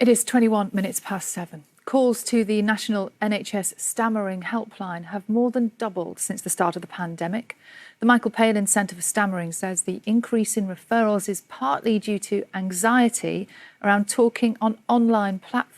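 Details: Adult woman, news presenter; normal fluent speech.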